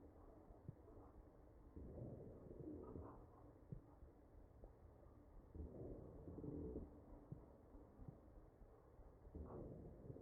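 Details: Wheezing in a mechanically ventilated patient, recorded through the chest: ventilator-driven breaths about every four seconds carrying low musical, cooing tones.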